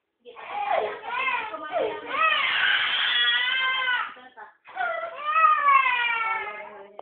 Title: Crying again!